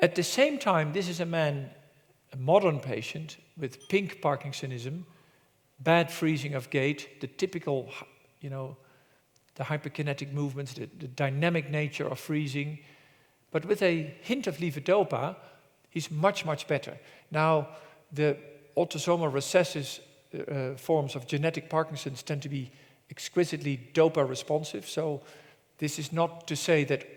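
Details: Adult male presenter; normal speech.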